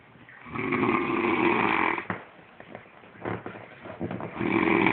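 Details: Long, harsh, rattling inhaled snores with quiet pauses between them, likened to a horse; loud snoring.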